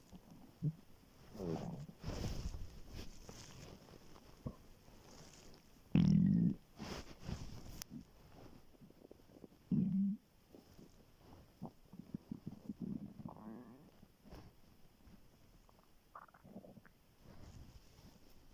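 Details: Very hungry student's empty stomach recorded on waking in the morning: low gurgling rumbles and squeaks with a few louder growls. Ordinary hunger stomach growling (borborygmi).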